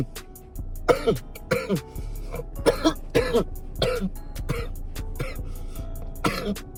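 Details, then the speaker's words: Adult gives a run of harsh, repeated coughs and throat clearing right after taking a hit of smoke, with music behind; coughing after smoke inhalation. "Mind you, I was coughing for two to t"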